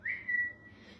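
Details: Self-described chronic whistler with Tourette syndrome, tics heightened after suppressing them: a brief sudden whistle rising then held, a whistling vocal tic.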